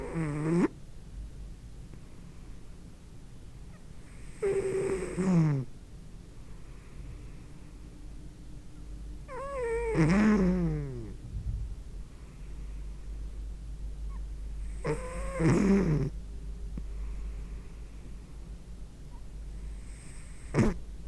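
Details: Fat pet cat snoring loudly while asleep, with a groaning, whistling sound on each breath about every five seconds.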